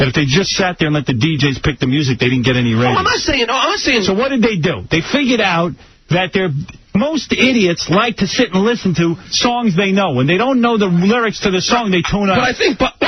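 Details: Adult man talking on radio; ordinary speech.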